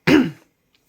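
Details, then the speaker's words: Adult woman clears her throat once, a short harsh rasping burst then silence, before saying she has lost her voice and will drink some water; throat clearing. "pardon on a ben j'ai perdu ma voix je vais boire un petit peu d'eau"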